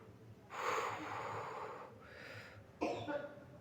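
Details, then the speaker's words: Person with frequent cough, described as a dry cough in a non-medical spiritual session that blames a spirit; a long, harsh rasping exhalation then a shorter sharp burst in a quiet room. "Uh, batok kering, Gen. Batok kering, Gen."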